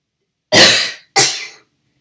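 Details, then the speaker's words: Boy with Duchenne muscular dystrophy, breath-stacking (lung volume recruitment) demonstration guided by a physical therapist, no cough assist machine: two forceful, explosive coughs after stacked breaths; stronger assisted cough after breath stacking. "so let's do the breath sacks and instead of blowing it out I want you to produce a really hard cough okay ready okay"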